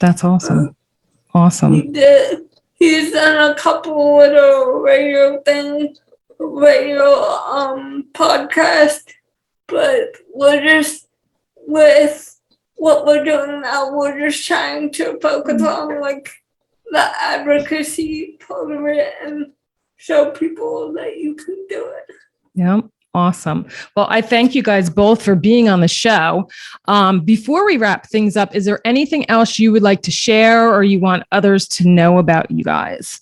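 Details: 28-year-old woman with cerebral palsy and speech issues; dysarthric speech in cerebral palsy.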